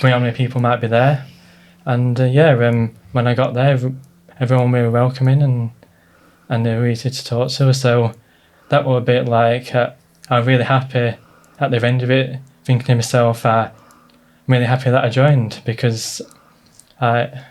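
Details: Stuttering (stammer) in an adult man who has had it all his life.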